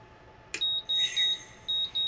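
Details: Repeated high-pitched electronic beeps in a steady pattern on an MVM ventilator during alarm testing: apnea alarm in pressure support mode when no breaths are triggered, before backup pressure control ventilation resumes.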